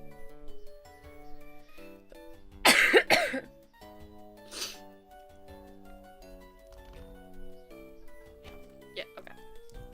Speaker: I'm sorry if I sound like absolute trash um in terms of coughing and clearing my throat and sniffing. Um have had the flu.